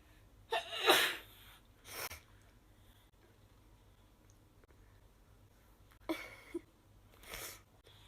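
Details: Several short, hissing sneezes from Japanese girls, with small intakes of breath, some very soft, in a quiet room.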